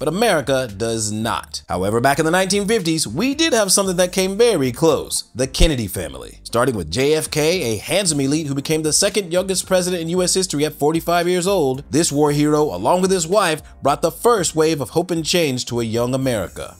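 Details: Adult male narrator; normal voice.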